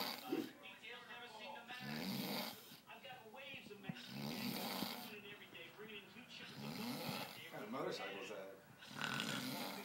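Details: Loud, rattling, harsh snoring breaths repeating every couple of seconds with some background noise; heavy snoring.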